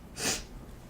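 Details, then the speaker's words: A person sneezing during a live chat stream, then apologizing for the sneezing. "Yeah, I apologize for my sneezing."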